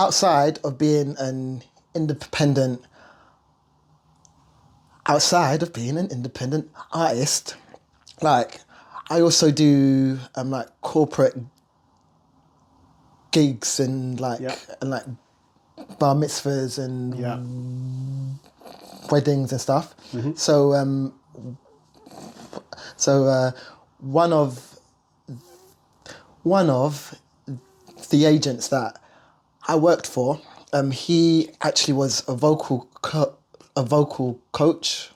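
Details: Lifelong stuttering (stammer) in an adult male singer who says he stutters more when nervous or talking about himself.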